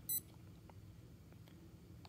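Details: A single short electronic button beep while setting pulse width, rate and time on a TENS 7000/inTENsity 7 unit for transcutaneous vagus nerve stimulation (ear clip plus sticky pad), followed by faint clicks in a quiet room.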